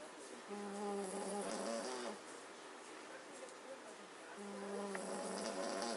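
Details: Magyar Vizsla dog asleep: two long, tonal, buzzing snores separated by a quiet pause, faint room noise between: snoring.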